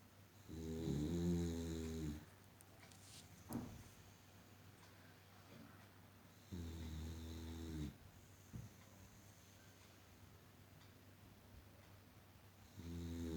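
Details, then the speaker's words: Sleeping female Boxer dog snoring loudly for the past hour: low, rattling snores, about three bursts in thirteen seconds. "loud snoring and sleeping. From last 1 hour, she's snoring and sleeping."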